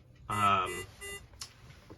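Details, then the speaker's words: Portable pulse oximetry and capnography monitor in a training demonstration: short high electronic alarm tones in a small quiet room as the probe is removed to stop the beeping and alarming. "So we're going to take this off so it stops beeping and alarming. And we'll take this off because it's going to continue to beep and alarm."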